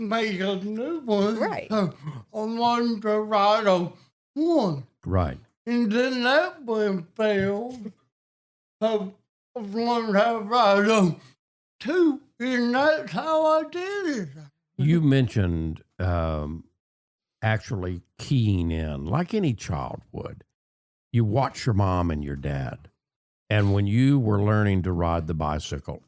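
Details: Adult man with cerebral palsy and a speech impediment since childhood; dysarthria (cerebral palsy).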